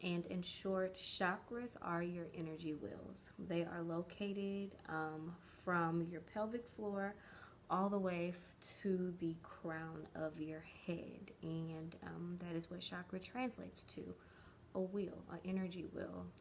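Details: Developmental stuttering in an adult woman, present since early childhood, with words or syllables dragged out for a long time; she is still working past it as an adult.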